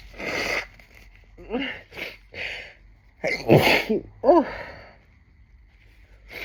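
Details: Adult with ticklish nose, triggered by hearing another's sneezes and then self-induced, takes sharp voiced in-breaths and lets out a couple of big, forceful sneezes.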